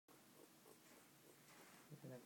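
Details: Pionus parrot getting head scratches, giving the Pionus wheeze: soft, raspy, piglike wheezing snorts, a normal contented sound.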